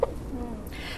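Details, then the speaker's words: A teenager with persistent, intractable hiccups for 10 weeks, which began after lunch and recur in light sleep (attributed to diaphragm spasm): one short, sharp voiced 'hic', then quiet room noise. "brian hope obviously we can see and hear the hiccups there i mean what are hiccups we don't normally hear of them being so prolonged do we no i mean most of us sometimes get a little bit of a bout of hiccups but a long intractable hiccups like this are quite unusual it's where your diaphragm um actually goes into spasm"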